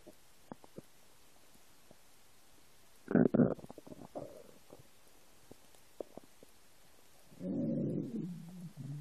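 Scattered clicks, then a gurgling burst and a long low groaning rumble. Ordinary rumbling of an empty stomach.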